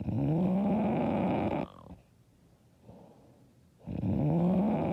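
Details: Loud, harsh rattling snores on breathing in, separated by quiet pauses; self-described very loud, hard snoring.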